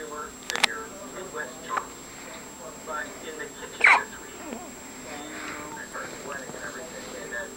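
A few abrupt, sharp hiccup sounds amid soft background talk and room noise. Hiccups, not wheeze.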